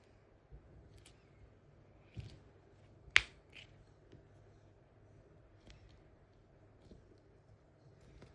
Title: Cracking My Knuckles✊